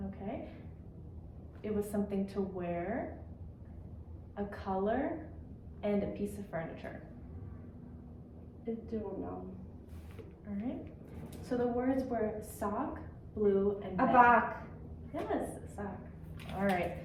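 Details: Adult female clinician speaking; typical speech.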